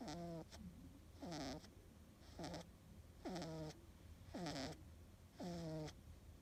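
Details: Sleeping cat snoring: regular, rattly, throaty snores at about ten breaths a minute, each with a short whistly note; ordinary snoring.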